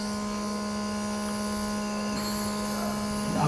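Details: Steady, even motor hum with buzzing drone of an Omron NE-C803 compressor nebulizer running.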